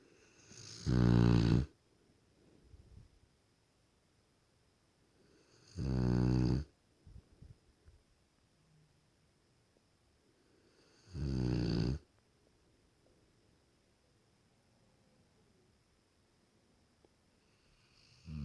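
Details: Sleeping Cane Corso dog snoring: very loud, deep, rattling snores on each breath, three in 18 seconds, with quiet pauses between.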